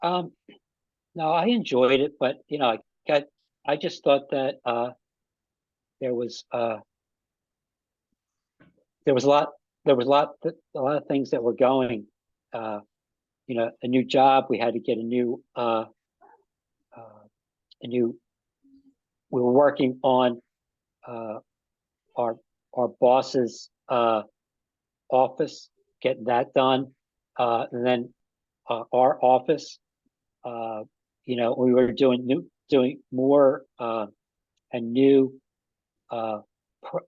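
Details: Adult man with aphasia after an ischemic stroke with a simultaneous heart attack about five and a half years earlier; still has trouble with names and word tenses; aphasia (word-finding difficulty).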